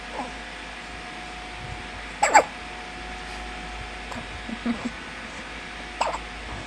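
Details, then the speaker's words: Newborn baby girl with hiccups on waking: soft, abrupt little gulping catches, about four or five in seven seconds over quiet room hum; ordinary infant hiccups. "My baby still has hiccups."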